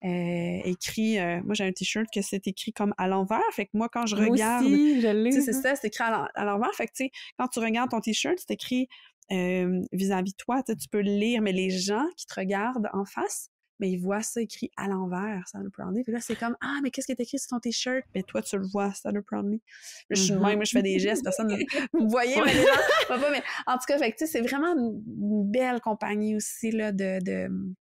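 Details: Adult woman speaking French; typical speech.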